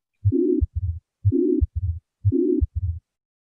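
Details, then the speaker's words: Harsh pansystolic murmur filling the whole gap between S1 and S2, three beats at about 60 a minute, from a ventricular septal defect (VSD). "because in your questions term they will give you pan-systolic murmur it will be throughout okay this is the pan systemic marble and it's a harsh Paran systolic murmur you will hear in a VST"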